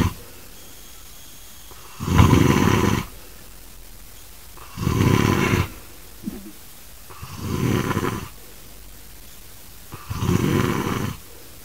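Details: An adult man snoring loudly in his sleep: rattling snores on each breath in, about four in ten seconds, with quiet pauses between; heavy snoring.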